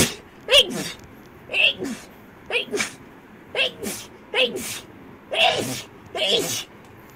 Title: girls sneezing rapidly. #12.|| rapid sneeze.